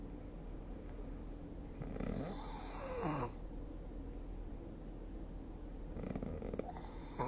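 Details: Snoring during sleep, recorded with the SnoreLab app on 2024/12/21: a low, rough rattling sound on one breath over steady room noise, with a fainter second snore near the end.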